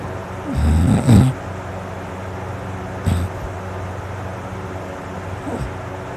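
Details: Man's heavy snoring during sleep, after a very dry, sore throat at bedtime: deep, rumbling, rattling breaths with one loud snore then shorter, quieter ones; snoring loud enough to wake his household.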